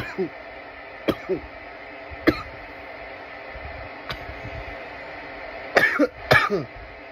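Several sharp, harsh cough bursts, some in quick pairs; irritant coughing after smoking.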